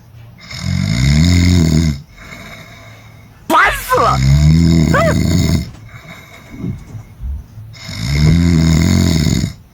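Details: Human owner's loud, rattling snores on each breath, about every four seconds, broken once by a brief high squeal, while a dog covers the snoring owner with a blanket; ordinary snoring.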